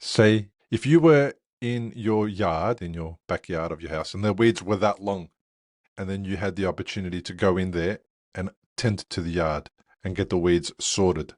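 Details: Adult male speaker; ordinary speech.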